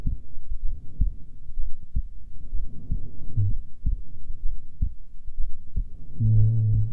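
Steady low heart thumps at about 63 beats a minute over a low hum; a normal resting heartbeat.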